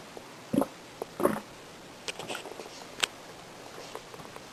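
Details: Stomach growling (borborygmi) from a person's belly: short gurgling, squelching bursts and bubbly pops in a quiet room.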